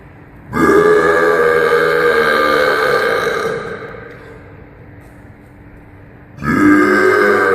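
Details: Deliberate loud belching in an echoing place: two long belches, the first lasting about three seconds, with a quieter rumbling tail between them.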